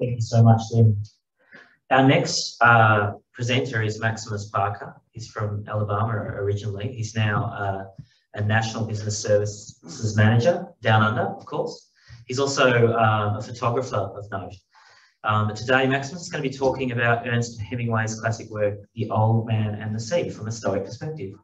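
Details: Adult male speaker; Normal speech.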